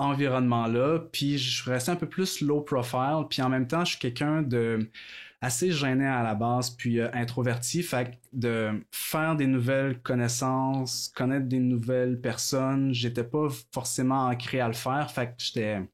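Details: Adult woman who stutters, a master's candidate in speech-language pathology; word repetitions heard; stuttering.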